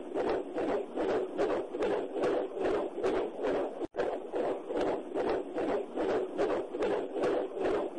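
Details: Fetal heartbeat heard by Doppler: rapid, regular whooshing pulses at about 146 beats a minute.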